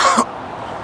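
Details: Deliberate, put-on voluntary cough performed outdoors as a prank of coughing on strangers: a single short forced cough or throat clear, followed by outdoor background noise.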